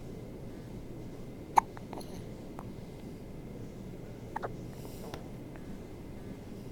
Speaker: now present to you baby hiccups.